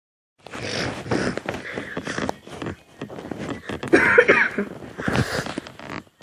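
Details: Run of rough, uneven coughs from an adult with short breaths between bursts, in a small room.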